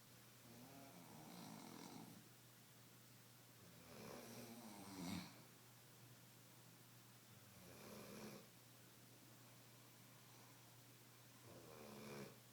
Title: Snore off!